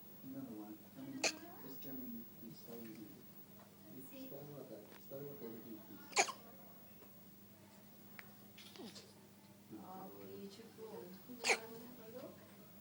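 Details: Baby girl's first hiccups: three sharp, abrupt hiccups about five seconds apart, with adult voices talking softly in the background.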